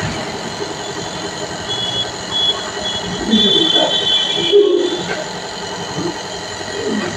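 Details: Steady mechanical hum and hiss of a running nebulizer, with faint whistling tones and background noise, during nebulization taken for cough relief.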